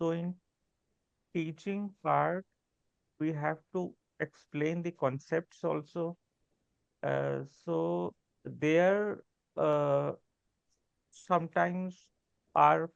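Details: Adult woman who stammers, a real speaker who practices yoga and deep breathing, speaking English while translating a poem; stammering.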